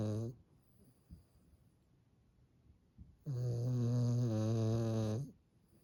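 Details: Snoring from a small tricolour Cavalier King Charles Spaniel: a loud, long, low rattling snore with quiet breathing between.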